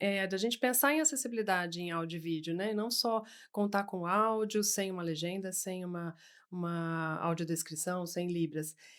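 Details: Adult woman speaking Portuguese; Typical speech.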